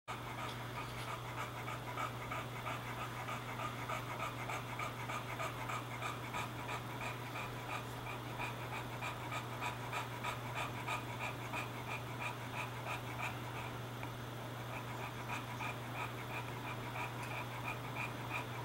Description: Porkchop the English Bulldog just got done playing outside and takes a breather inside with the air conditioner on to cool down.